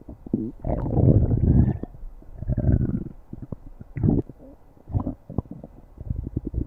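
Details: Stomach growling (borborygmi): long low gurgling rumbles followed by a run of bubbling pops and clicks.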